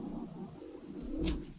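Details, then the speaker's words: Dog (female) snoring audibly in the background during speech; snoring. "Oh my gosh, my dog. I'm sorry, you can hear her snoring."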